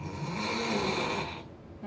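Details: Snoring, in a discussion of children's snoring: a harsh, rough snore sustained through one breath, then fading. This is snoring through a narrowed or closed airway, the more serious type.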